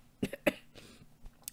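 Two short, sharp cough bursts from an adult, with a faint third sound, in a quiet room.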